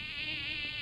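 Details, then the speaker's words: A steady, high-pitched, buzzing whine like a mosquito, played by an otolaryngologist as a simulated example of one type of tinnitus; simulated mosquito-like tinnitus. "Imagina, um mosquito Gente, real que já é loucura. irritante."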